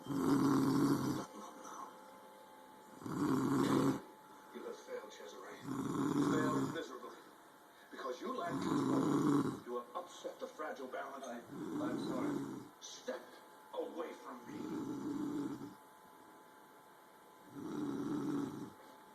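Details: Girl sleeping and snoring loudly: loud, voiced snores about 21 times a minute with quieter breathing noise between them.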